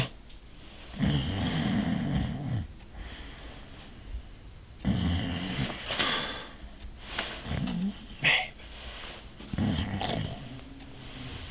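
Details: Low rumbling snores with breathy snorting sounds between them, irregular over several breaths, from a man in bed in a short film; snoring.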